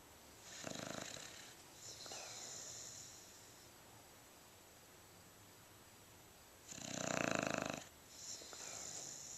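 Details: Snoring on each inhale, followed by softer hissing exhales, with a long quiet pause between breaths; the second snore is louder.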